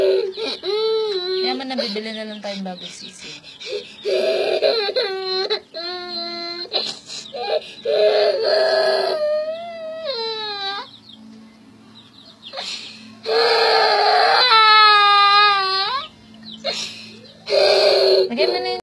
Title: Crying Baby!